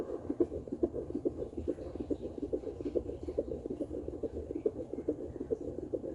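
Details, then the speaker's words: Home fetal Doppler at 15 weeks of pregnancy, probe low near the pubic area: rapid, regular whooshing fetal heartbeat around 140–145 a minute, normal fetal heart tones. "Briefly, I'm gonna go ahead and listen to baby's heartbeat now. It's time for my most favorite time of the day."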